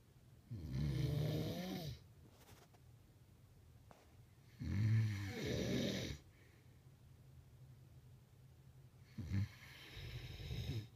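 Loud, rumbling snores on long inhalations, roughly three in eleven seconds, with quiet pauses between them. Heavy snoring.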